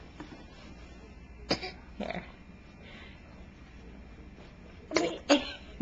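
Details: Child coughing during breakfast, recorded on a Flip Video camcorder: several short, sharp coughs, two singles then a close pair, over quiet room noise; an adult calls it a bad, nasty cough.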